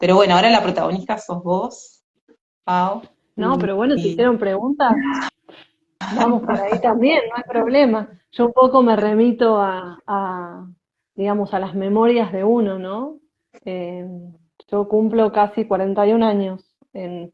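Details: Woman who identifies herself as a person who stutters; stuttering.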